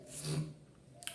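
A brief low, rough snorting sound in a quiet room, consistent with a single short snore.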